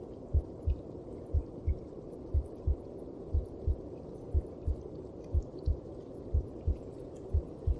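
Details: Heartbeat heard inside the mother's belly (womb): steady muffled double thumps about 60 a minute under a low rushing hum.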